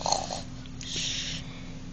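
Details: A 10-week-old puppy asleep after playing gives a soft, rasping snore on one breath over a steady low background hum.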